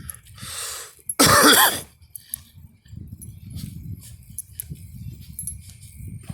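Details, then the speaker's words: A single loud, harsh cough burst after a breathy exhale, then quieter room noise, from someone outdoors taking out garbage who attributes it to allergies; cough. "I feel like I'm gonna cough."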